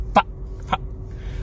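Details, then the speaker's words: Two abrupt, brief squawk-like vocal noises from an adult man with Tourette syndrome; simple vocal tics over a steady low room hum. "so my name is most people just call me and i have tourette syndrome"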